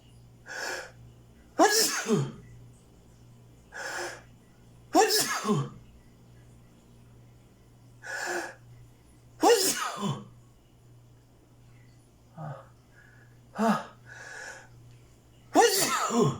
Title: Cant stop sneezing